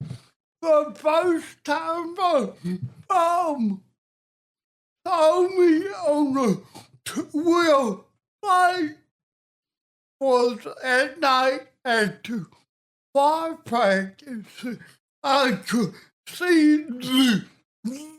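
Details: Adult man with cerebral palsy and a speech impediment since childhood: dysarthria (cerebral palsy).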